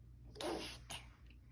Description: Baby pretends to sneeze for attention